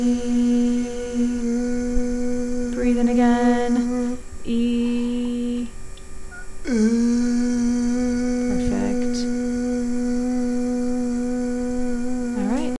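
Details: Repeated 'e' phonations at varied effort during videostroboscopy; stiff scarred vocal fold edges cannot close, with the scarring from wear and tear and microinjuries from voice overuse or misuse; dysphonia from vocal fold scarring.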